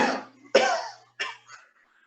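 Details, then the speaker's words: Simulated medical interview, acted adult male with a six-month persistent cough, worsening, producing yellowish phlegm and blood: three harsh, wet, rattling productive coughs. "Sí, yo diría que ha progresado mucho, doctor, porque la tos es cada vez más molesta y más fuerte."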